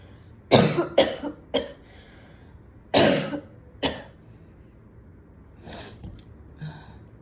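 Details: Woman coughing at home after smoking a cigarette with friends at a party; cough.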